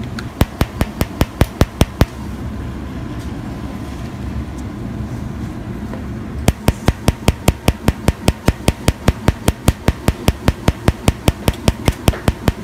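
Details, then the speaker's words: Fractional CO2 laser firing while a doctor treats a young man's raised scar from an accident about 1.5 years earlier: sharp, regular ticking pulses about 150 a minute over a steady low room hum, with a short pause. "À cái laser này khi mà bắn vào thì nó sẽ phá vỡ sắc tố ngay lập tức và nó sẽ trả về cho mình cái màu da giống như là cái màu da ban"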